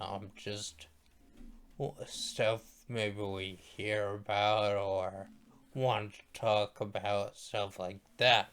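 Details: Male speaker who states his voice sounds this way because he is a stroke survivor; speech impairment after stroke.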